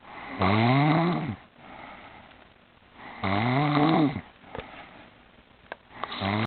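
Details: Woman sleeping on a chair snoring, getting louder and louder: loud, rough, vibrating snores on each breath in, about 20 breaths a minute, quieter breaths out between; snoring.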